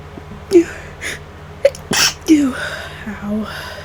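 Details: Short gasping inhales build to one induced sneeze and a voiced exhale, in an adult sick for about five days and worsening, newly congested, unsure whether it is flu or a cold.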